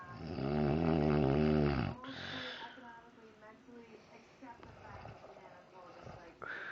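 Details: Snoring recorded from the uploader's mother while asleep.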